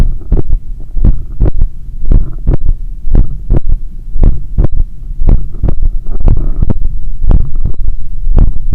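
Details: Third heart sound (S3) in the speaker's own heart after an 8 km run, stethoscope at the apex (point of maximum impulse): a loud, booming heartbeat about 58 a minute with extra low thuds after the main beats.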